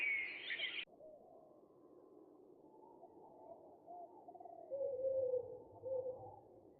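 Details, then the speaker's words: Simulation of severe high-frequency hearing loss: summer birdsong that turns dull and muffled as high sounds are stripped away. "someone with mild high-frequency hearing loss would hear this and someone with severe high frequency hearing loss would hear this"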